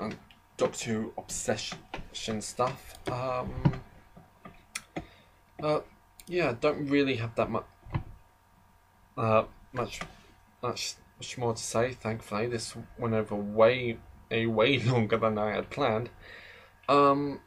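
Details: Adult male who describes himself as slightly stammering, in natural conversational speech; stuttering.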